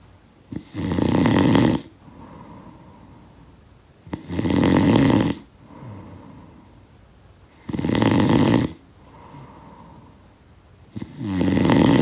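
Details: Snoring sound-effect recording: loud rattling snores on each breath in, about 18 a minute, with softer breaths out between; continuous snoring in sleep.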